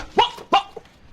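Two sudden, sharp bark-like vocal bursts from a man, acted as a Tourette syndrome vocal tic.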